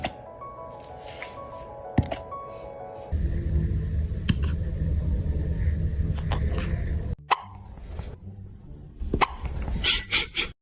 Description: Ever seen a tough-looking dog get defeated by a hiccup? 🐶💥